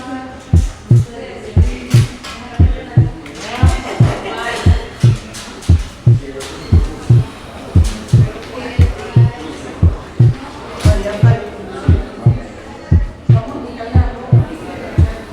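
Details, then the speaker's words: Physiological splitting of the second heart sound, regular rhythm about 58/min: S2 splits on inspiration because the pulmonic component is delayed by increased right ventricular filling, a normal finding. "Escuche el desdoblamiento normal del segundo ruido cardíaco con la inspiración."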